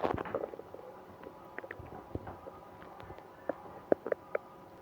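Quiet gurgles and a few short squeaky bowel sounds, stomach noises during stomach pain after eating ice cream.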